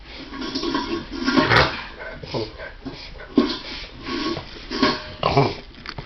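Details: Dog having a reverse sneezing episode: repeated loud, snorting inward breaths in rapid runs.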